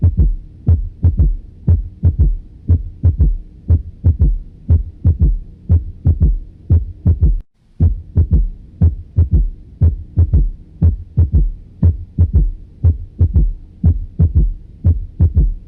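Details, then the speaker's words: Third heart sound (S3): regular low heart sounds with an extra soft, low-frequency thud immediately after the second sound, best heard with the stethoscope bell at the mitral area. "a continuación escuchamos el tercer ruido cardíaco que está inmediatamente del segundo ruido hacer un ruido de baja frecuencia se escucha mejor con la campana del estetoscopio el mejor foco para escucharlo es el foco mitral"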